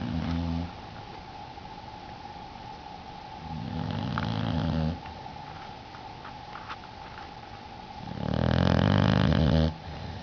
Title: snoring bluenose pitbull puppy